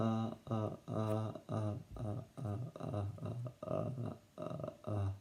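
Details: Adult male who stutters, with repeated sounds and blocks, possibly neurological in his view; prolonged run of repeated 'ah' syllables; stuttering (syllable repetitions).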